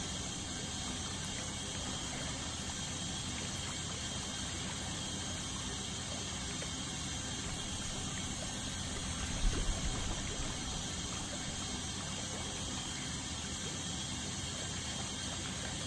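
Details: Ultrasonic dental scaling to remove tartar during a dental cleaning: steady high-pitched hiss and whine with water spray and suction noise.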